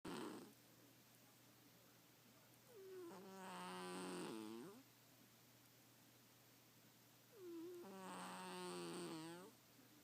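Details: Kikyo sleeping: two slow, drawn-out snoring breaths with a buzzy, whistling tone about six seconds apart, about ten breaths a minute; soft snoring.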